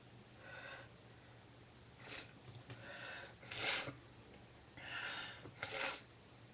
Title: sneezes and snotty noseblowing